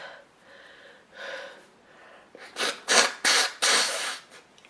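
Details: Woman sneezing repeatedly, several sharp explosive sneezes in quick succession preceded by quick inward breaths, also blowing her nose into a handkerchief.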